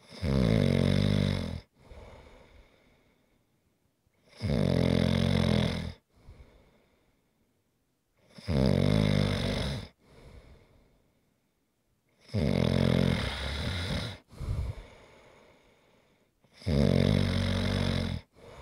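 Loud rattling snores on each in-breath with quieter breath-outs, about 14 breaths a minute: steady heavy snoring.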